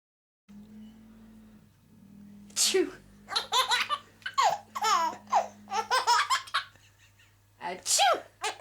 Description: My gorgeous son laughing as his Mum sneezes in front of him.